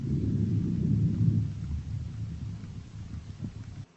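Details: Soft, low rustling airflow that swells then fades over each breath, heard with a stethoscope: normal vesicular breath sounds, equal on both sides.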